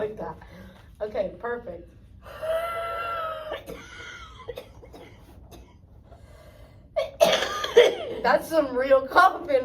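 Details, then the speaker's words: 52-year-old woman with cystic fibrosis in acute pulmonary exacerbation (simulated practical), huff cough after chest physiotherapy vibration over six to eight deep breaths: forced breathy exhalations like fogging a mirror, then throaty coughs to clear secretions. "And I'm going to have have you breathe out um as much as you can like you're fogging up a mirror until you cough and get some secretions."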